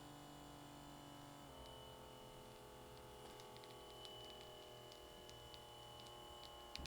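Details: Omron BP769CAN automatic upper-arm blood pressure monitor, first test reading: a steady motor hum shifting in pitch with faint clicks as the cuff pumps and releases.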